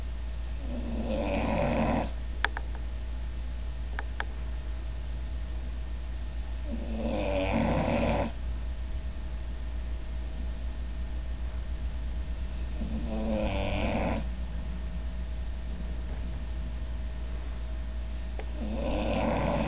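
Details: Four rhythmic rasping snores, about one every five to six seconds (roughly 11 a minute), over a steady low room hum, from an old man at rest; ordinary snoring.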